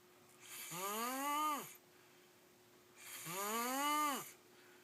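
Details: Two long, whistling, rising snores on in-breaths about 2.5 seconds apart, with quiet breathing out between, from a sleeping boy, with music in the background; snoring.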